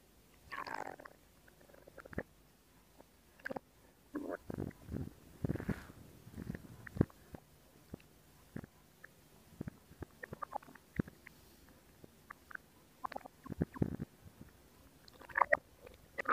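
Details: Stomach sounds recorded for ASMR: irregular gurgles, squelches and brief rumbles from the belly; borborygmi (bowel sounds).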